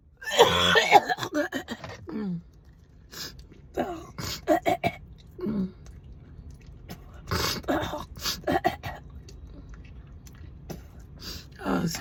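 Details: Coughing fit in a patient with tumors on the lungs and weeks of voice loss after a month of coughing: run of repeated harsh coughs and throat clearing, strongest at first, then scattered coughs.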